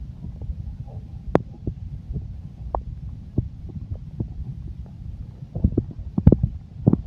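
Low, irregular gurgling and rumbling with scattered pops and squelches; stomach growling from gas and fluid moving through the gut, a normal sound.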